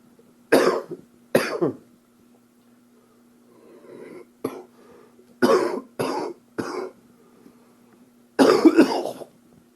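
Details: An adult coughs in several sharp bursts, including a paired cough and a longer final cough, during an upper respiratory infection recorded in 2013.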